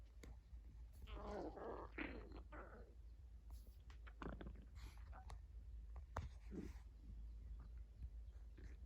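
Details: Dog's stomach rumbling in the morning: low gurgling and bubbling rumbles coming in bursts, including one big rumble. Ordinary stomach rumbling (borborygmi).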